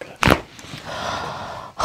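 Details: Chiropractic neck adjustment at C5, the level of the patient's disc problem, as the patient relaxes and lets the head drop: a brief sharp crack (joint cavitation), then a soft exhale and room noise.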